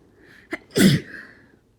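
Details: Person with a cold: a short intake of breath, then one forceful, explosive, spontaneous sneeze that could not be stifled, in a quiet room.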